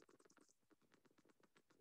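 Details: Needle EMG recording from an upper limb lecture showing polyphasic motor unit potentials.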